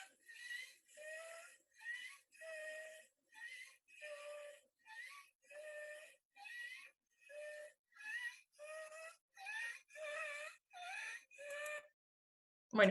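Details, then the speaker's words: Child with croup, with retractions: rapid, repeated high-pitched crowing inspiratory stridor, then a harsh barking cough burst at the end. "y al igual que en el vídeo anterior pues se ve que el niño tiene ahí retracciones y pues tiene estriado y tiene la tos ahí que mencionamos al inicio"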